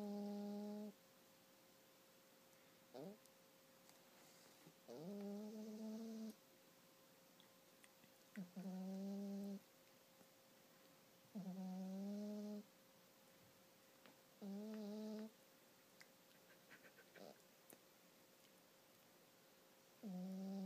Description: Our friend Hazel the cat is snoring loudly. She did not wake up even I remove the blanket from her face.